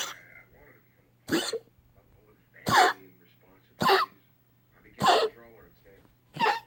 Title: Stella coughing